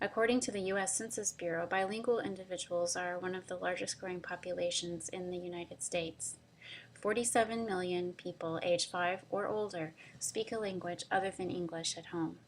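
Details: Adult woman; normal speech.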